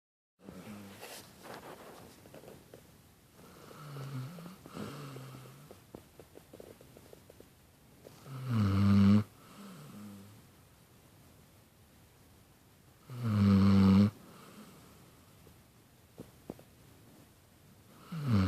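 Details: Slow breathing, roughly 12 breaths a minute, with two loud, rumbling snores about five seconds apart and softer breath noise between; snoring.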